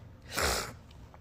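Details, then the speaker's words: An adult with allergies and a runny nose, in a recurring sneezing fit with snorting and a tickling nose: one forceful, breathy sneeze burst; sneezing. "All right, y'all. So, I feel I feel sneezing fit coming. It comes and it goes."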